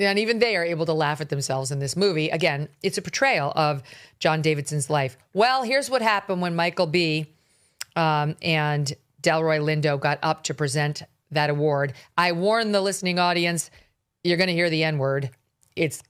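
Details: Adult speaker; typical speech.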